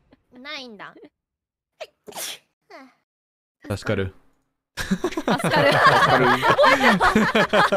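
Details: Short voiced build-up sounds, then a sharp explosive sneeze from a female streamer, followed by lively talk and laughter. Sneezing.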